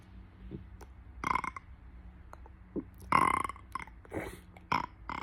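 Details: Several deliberate, performed burps, short and resonant, one longer and louder, with quiet gaps between them.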